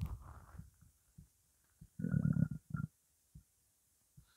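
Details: Hunger stomach growling (borborygmi) during a 12-minute recording of an empty stomach holding only water: irregular low gurgling rumbles with one longer bubbling growl.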